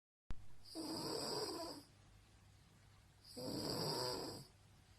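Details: Woman, a roommate, who snores loudly every night: two loud, harsh inspiratory snores about three seconds apart with quiet breathing between; habitual loud snoring.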